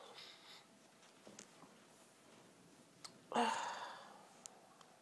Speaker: My sneezes are really violent. I think because the tease for so long, I'd eventually come out and it's such a relief to sneeze.